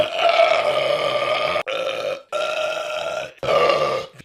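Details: Burping in an adult man, compilation: three long, loud, deep voiced belches in a row, each a rumbling sustained release.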